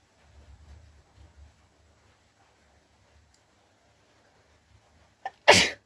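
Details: Single sharp, forceful sneeze after quiet breathing and a brief catch of breath, uncovered (no handkerchief), recorded during a sneezing challenge.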